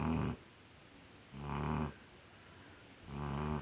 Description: 5 months old chocolate labrador puppy,in everydays snoring and sleeping mision.